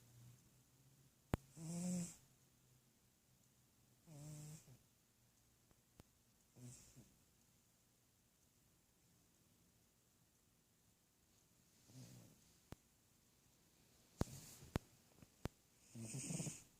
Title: Snore Away Sweet Mork